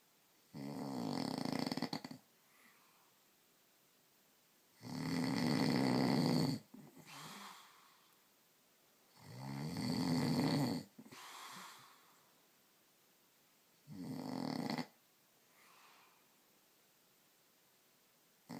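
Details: Adult man (husband) snoring in sleep: loud, rattling snores on each breath in, about 4 breaths a minute with long quiet gaps, softer sighs on breathing out; heavy snoring.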